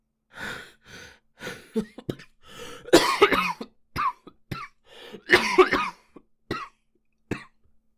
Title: japanese boy coughing 1